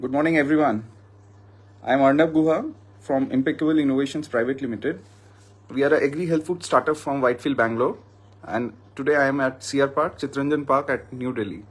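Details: Adult man speaking; ordinary speech.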